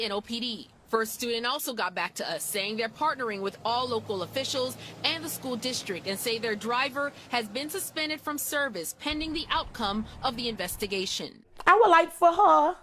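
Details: Adult female news reporter; normal speech.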